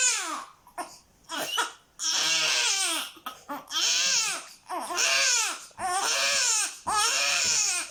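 High-pitched rhythmic wails of a newborn infant crying, with short gasping breaths between cries.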